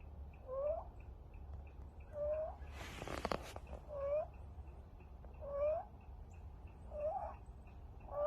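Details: A stray kitten with an upper respiratory infection makes a high, squeaky chirp on each in-breath, about six times: inspiratory stridor from a narrowed larynx.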